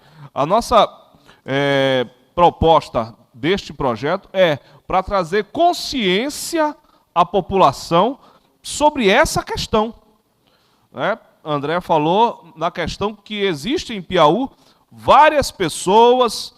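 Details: Adult speaker; normal speech.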